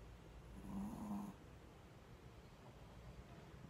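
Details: A single low, rumbling snore under a second from a small Shih Tzu dog, followed by quiet breathing; snoring.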